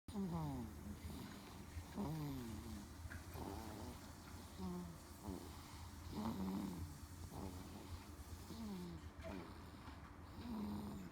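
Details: Baby girl aged 1 month and 14 days, asleep, snores with squeaky, whistling nasal sounds at about 14 noisy breaths a minute over low hum; infant snoring.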